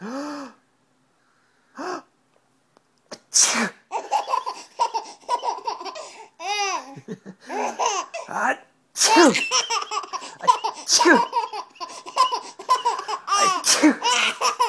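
A few sharp little sneeze bursts, then bubbly giggling and laughter from a young child: sneezing.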